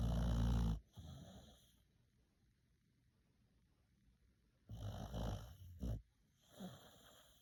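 Loud, rattling snoring breaths from a sleeping dog, separated by quiet pauses; ordinary snoring.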